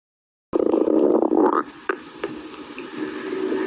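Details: Hungry stomach growling: a loud rumbling, gurgling growl lasting about a second, then softer gurgles; ordinary hunger borborygmi.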